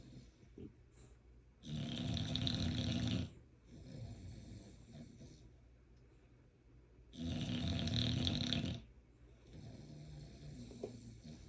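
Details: Loud rattling snores on each breath in, with softer breaths out, about 11 breaths a minute, from a bulldog sleeping with its eyes open; heavy snoring.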